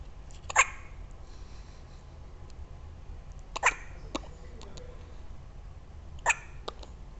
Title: Dec 13 - hiccups